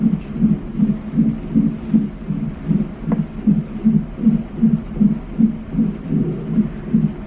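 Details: Fetal monitor at 26 weeks in a high-risk pregnancy, in labor and delivery after a shortened cervix and excess fluid, with slight contractions: rapid, regular whooshing beats, about 155 per minute; a normal fetal heart rate.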